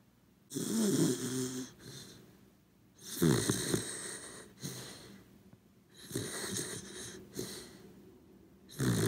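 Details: Sleeping corgi dog snoring: loud, raspy snores with a fluttering rattle, roughly one breath every 2.5 to 3 seconds.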